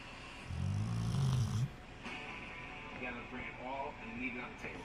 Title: Snoring rottie